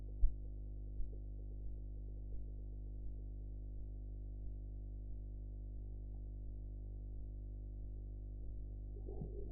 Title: Blood pressure practice #10 (Korotkoff sounds)